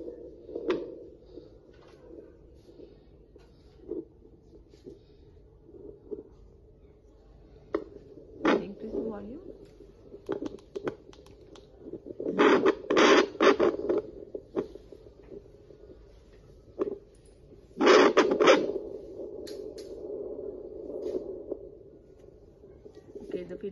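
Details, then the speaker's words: Fetal Doppler placed on the left side where the fetal back lies during obstetric examination, one fetal movement felt: rapid rhythmic whooshing pulses, fetal heart rate 132 beats per minute; normal. "L is 132 beats per minute yeah"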